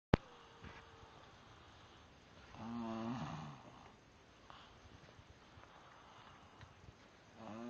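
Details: A man who claims he doesn't snore: a single soft, rumbling snore on an inward breath in a quiet room, followed by faint breathing; ordinary snoring.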